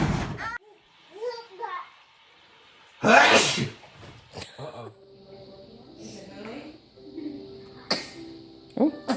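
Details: Infant girl sneezing, sitting up: a sudden burst of small sneezes amid quiet baby sounds and adults saying "bless you"; she also had hiccups. Ordinary baby sneeze.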